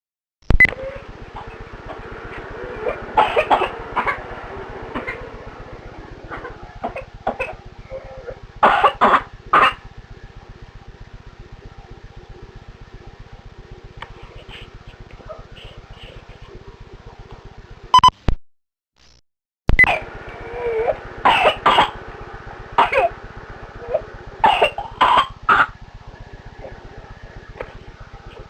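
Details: Two-year-old girl with whooping cough (pertussis), recorded on a handheld recorder at home: repeated coughing fits to "the bottom" followed by drawn-in, high-pitched inspiratory whoops while struggling to breathe.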